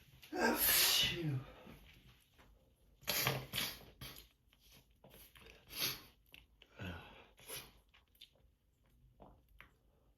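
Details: Allergic sneezing fit in a quiet room: a loud sneeze followed by several smaller sneezes and sniffles, from a person worn out by seasonal allergies, sneezing into tissues.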